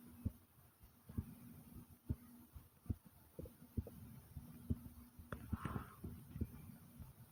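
Steady low heart thumps at about 65 a minute, with a brief gurgling stomach growl partway through; heartbeat and bowel sound.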